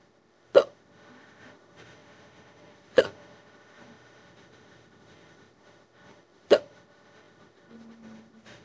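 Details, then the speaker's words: AI-generated imitation of a strong, prolonged hiccup bout that hurts the throat, recurring after stopping; three sharp, abrupt hiccup sounds several seconds apart against faint background tones. "this is got be the strongest case hiccup I'm had a long time it's really hurting my throat I don't think there's anything I can do to stop these hiccups"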